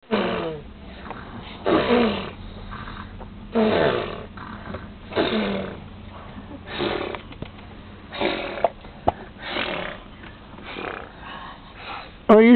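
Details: Snoring during sleep: loud, rough, snorting breaths about every 1.5 to 2 seconds with quieter breathing between; heavy snoring.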